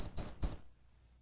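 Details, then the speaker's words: Welch Allyn SureTemp Plus 690/692 electronic thermometer in rectal mode: three quick high-pitched beeps after about 10 seconds, signalling that the final temperature is reached and displayed. "when the final rectal temperature has been reached in approximately 10 seconds the unit beeps and the temperature displays"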